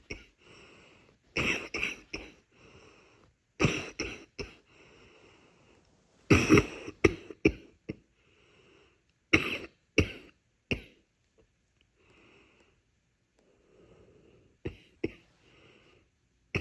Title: nighttime faint yet congested coughing